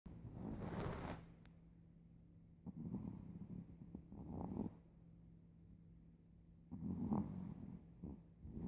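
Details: Soft, rough snoring breaths in bursts every couple of seconds, with a steady low room hum.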